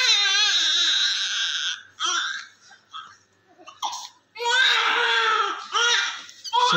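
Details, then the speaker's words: Vigorous, loud newborn cry in bursts with gasping pauses from a male baby just delivered by LSCS with thick vernix, during cleaning; reflexes good, Apgar score good, heart sound OK; normal newborn cry showing lungs working. "this baby is her reflexes is so great great cry Great Sound of sounds so in front of you when the baby is cleaning his lungs work correctly is all the body working correctly blood circulation start here so this this is very beneficial for the newborn"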